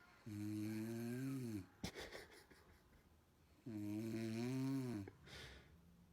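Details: Adult man (dad) snoring while his baby listens: two loud, drawn-out, droning snores, each over a second long, with a short snort and rustling between them.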